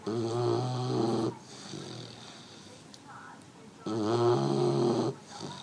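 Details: An 11-week-old male French Mastiff (Dogue de Bordeaux) puppy asleep: loud, rough, rattling, human-like snores on two in-breaths with quiet out-breaths between; snoring.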